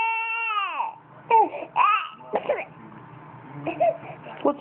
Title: Crying baby